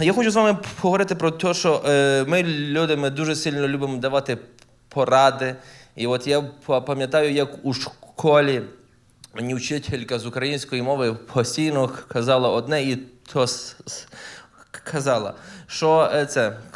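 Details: Adult man who stutters, performing live stand-up comedy, with stuttering heard in his speech.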